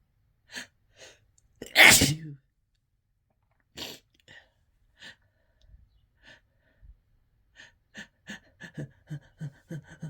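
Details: Really desperate, harsh sneezing: one loud sneeze, then a second forceful burst, with sniffs, gasps and short breathy sounds between them.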